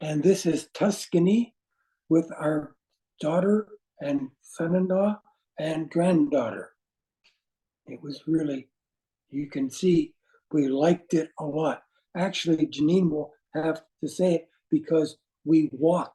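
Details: Aphasia caused by a stroke in an adult man; words do not flow, with difficulty in instant word choice and finding how to say what he wants.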